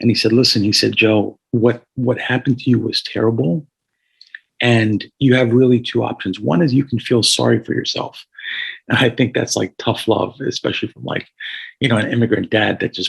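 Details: Adult man with a paralyzed vocal cord after a gunshot neck wound at age 17 that caused carotid injury and tracheal rupture, followed by about 6 months with a tracheostomy tube; slight raspiness heard; hoarse voice from vocal cord paralysis.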